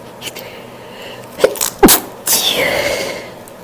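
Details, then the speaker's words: Female sneeze after describing a tickle: gasping in-breaths build up to one loud, forceful sneeze, followed by a trailing breathy voice. "Why? Um, God, it tickles so much. I can feel it coming. We're gonna"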